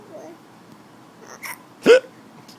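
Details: Quiet room, a soft catch then one sudden sharp voiced hic, as a child and his father trade hiccups back and forth: hiccups.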